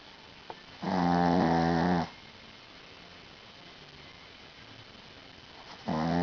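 Two loud, rattling snores about five seconds apart, with quiet room noise between them: snoring in a sleeping small dog.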